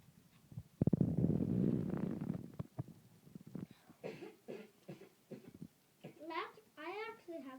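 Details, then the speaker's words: A child at a meal during a playful burp/cough-off: a long, rough, rumbling burp-like sound, then short throaty cough bursts and a child's voice; cough. "that's the right way to pop right you cough into your elbow"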